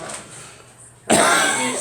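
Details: After a quiet pause, a single loud, harsh cough from a person describing a cold with chest cough, mucus staying in the chest, and illness after a flu shot; cough with cold or flu.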